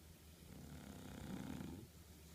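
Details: Sleeping bulldog snoring: one low, rumbling snoring breath over steady background hiss; noisy obstructed breathing in sleep.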